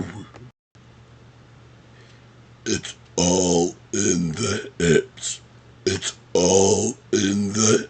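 Words forced out on long, deep, croaky belches in a quiet room. Deliberate talking while burping.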